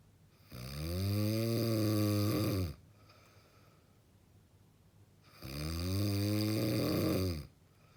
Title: 이거보다 더 심한 코콜이 봤다? 못봤다? 역대급 코골이 소리